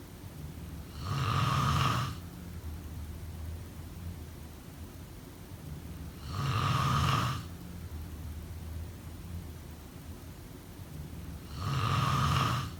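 Loud, regular snores about every five seconds, roughly 12 breaths a minute, with quiet gaps between them. Ordinary sleep snoring.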